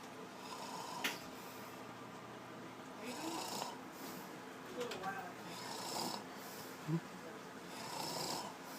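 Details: Snoring in a quiet room: soft, rough snoring breaths recurring every few seconds, with a brief snort. Ordinary snoring.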